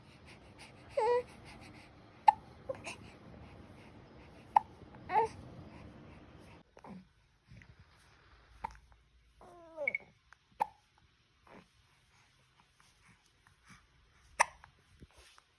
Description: Newborn hiccups after breastfeeding